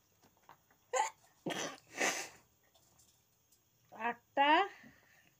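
Several short voiced bursts followed by two sharp noisy expulsions, fitting a run of sneezes from an adult; a normal sneeze reflex.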